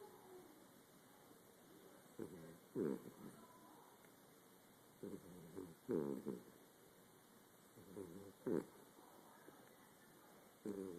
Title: Mini Dachsund snoring